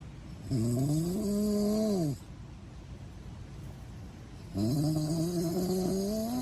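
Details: Snoring sound.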